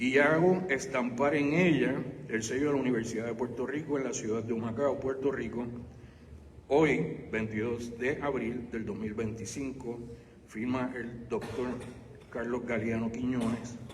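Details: Adult male speaker; Normal voice.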